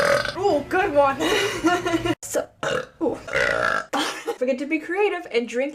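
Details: Compilation of deliberate burping: a run of long, deep, voiced belches in quick succession, with talk and laughter around them.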